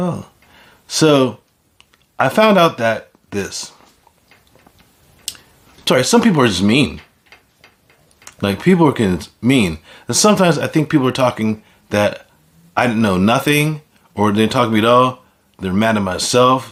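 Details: Adult man with aphasia after a stroke: aphasia.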